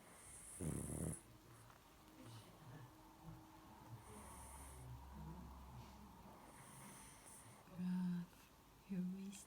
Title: Snoring pug